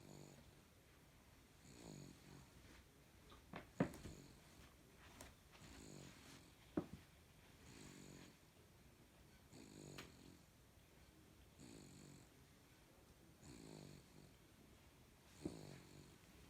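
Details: Baby's loud snoring: soft rhythmic snores with each breath, about 20 a minute, with a few sharp clicks and room noise between them; snoring.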